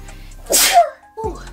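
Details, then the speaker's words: A single explosive sneeze, a sharp hissing burst with a brief voiced tail and then a short vocal sound, from a person in a vlog who had felt a sneeze coming that would not come; sneezing. "oh no i think i need to sneeze oh i thought that was going to be a moment when i knew i had to sneeze but it would not come and that is the worst feeling so i'm very happy i just got that sneeze out"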